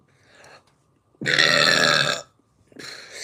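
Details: A single long, loud, deep burp lasting about a second, with quieter sounds before and after; uncontrollable belching.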